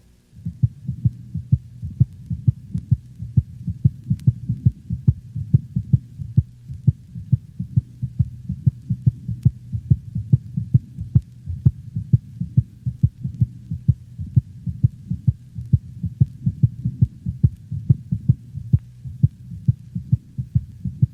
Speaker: the second heart sound is shorter and of higher frequency than the first sound it is best heard over the pulmonic valve listen to a normal dog's heart sounds recorded over the pulmonic valve